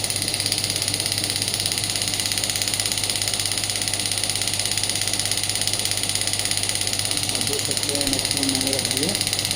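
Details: Biotronix radial extracorporeal pneumatic shockwave therapy device firing: rapid, regular mechanical tapping pulses, about 167 per minute, over a steady hum.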